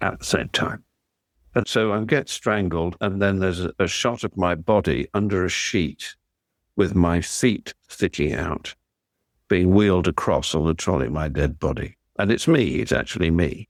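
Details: Adult man speaking; Normal speech.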